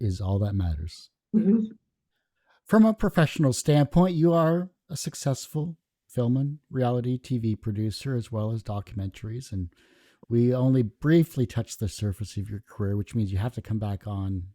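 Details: Adult man speaking; Normal speech.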